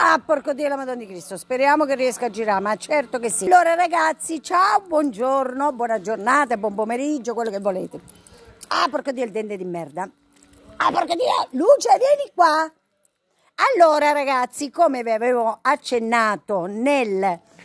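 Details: Adult female with Tourette syndrome (real, not acted): vocal tics with coprolalia, sudden involuntary swearing outbursts interrupting her speech.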